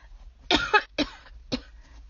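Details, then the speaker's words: Person who is sick, with a smoky voice and more coughing than sneezing, recorded in a parked car: three harsh coughs, the first a double burst, with a rough throat-clearing quality. "Coughing a lot more than I would personally prefer to. The ratio is not ideal. The sneeze to cough ratio."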